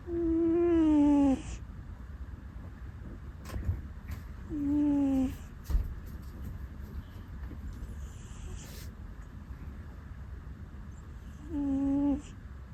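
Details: Rescue cat that always makes 'puu' sounds while sleeping: three soft, tonal, whistling 'puu' sounds on breathing out, several seconds apart. Harmless snoring.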